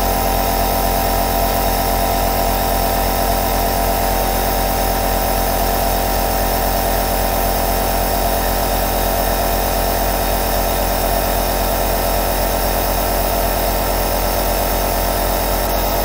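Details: Double aerosol nebulizer compressor running continuously, giving a steady mechanical hum.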